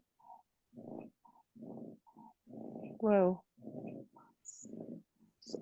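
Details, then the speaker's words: Dog snoring next to a speaker during a webinar recording: snoring. "I've got a dog snoring next to me donut you can hear sorry that's what the dog thinks of my presentation"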